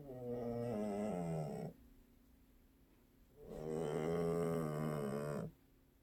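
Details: Household cat snoring while asleep; two long, rumbling, buzzy snores separated by a quiet pause: snoring.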